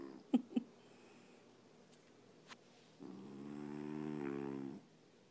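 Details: Dog snoring: a few faint snuffles, then one drawn-out buzzing, rattling snore lasting almost two seconds.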